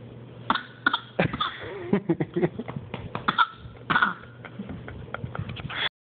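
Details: A child gives a run of short, forced cough bursts: a deliberately faked cough, not an illness cough.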